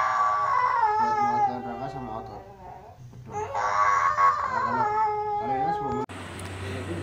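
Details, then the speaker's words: Young child with cerebral palsy crying hard in long, wavering, distressed wails during natural PAZ therapy (swaddling and stretching) for stiff legs, meant to straighten the body and legs; the parent says the therapy hurts. "Emang sih selama terapi dia menangis terus karena Ya itu kan pastinya sakit"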